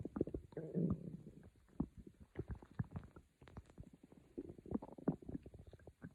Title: A Stomach growling video by me. Quiet growls for sleep…